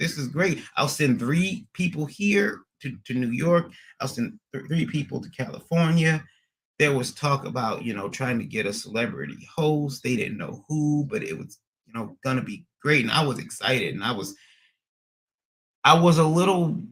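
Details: Adult man with stuttering after a recent transient ischemic attack; MRI and another scan showed a little damage; under a neurologist with physical, occupational and speech therapy; speech not fully recovered, still stutters occasionally almost a year later; acquired stuttering.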